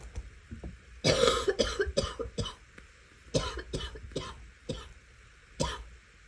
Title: Some rapid coughing